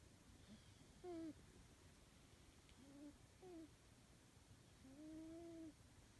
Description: My cat Charlie is snoring ..